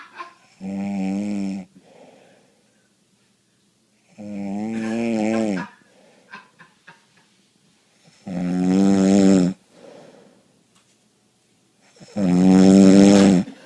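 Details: Person snoring again: loud, rattling, voiced snores on each breath in, about four in fourteen seconds, with quiet breaths out between.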